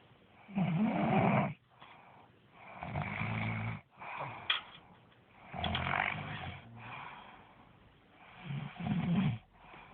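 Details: Loud, rattling snores on each inhalation, about four over ten seconds, with softer exhalations between them, from an adult snoring in sleep.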